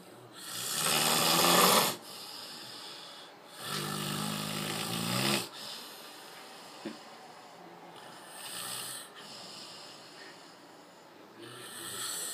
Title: snoring of terror !!!